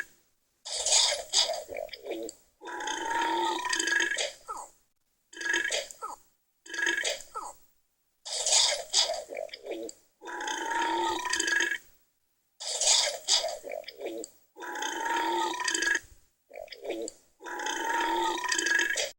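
A series of long, loud, rumbling burps, about a dozen, separated by brief pauses.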